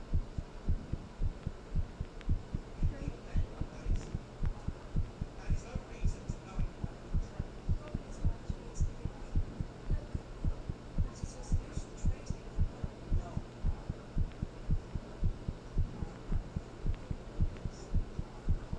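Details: Heartbeat recorded after talking with someone and then thinking about them: steady, fairly quick beat about 110 a minute with a low hum underneath; normal heartbeat.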